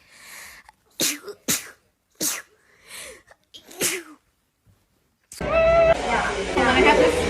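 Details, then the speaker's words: A rapid run of about six sharp sneezes in quick succession, followed by background music and voices; repeated sneezing. "I feel like I only sneeze in increments of like Bless you."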